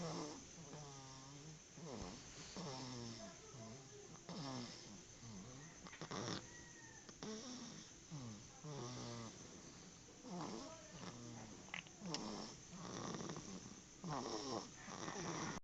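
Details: A sleeping cat snoring: repeated soft, fluttering, rumbling breaths, a gentle snore with light room noise.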